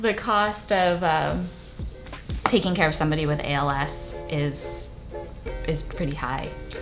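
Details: Adult speaker; Typical speech.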